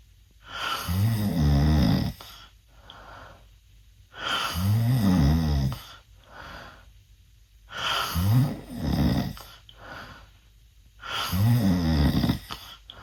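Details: 16-year-old male snoring loudly while asleep with mouth open, reportedly worse than at an earlier recording: loud, rough snores on each in-breath, about 18 breaths a minute, with quieter out-breaths between.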